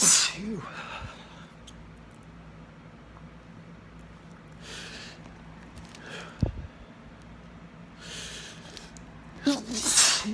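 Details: Repeated sneezing after deliberately sniffing chickni as an irritant, with allergies currently minimal: several brief, forceful, hissing bursts separated by sniffing and quiet room noise.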